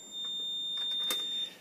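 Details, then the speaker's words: Puritan Bennett 840 mechanical ventilator switched on for its pre-use test, circuit fitted with filters: steady high-pitched electronic tone during the power-on self-test, low room noise; ventilator power-on self-test alarm. "go through a small self-test and it's hard to read but you see the two boxes on here"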